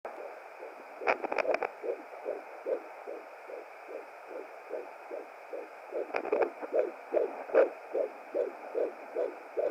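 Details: Fetal heartbeat at 17 weeks 5 days of pregnancy on a hired Hi Bebe BT200 home fetal Doppler: rapid, regular whooshing about 146 beats a minute with a few scraping bursts.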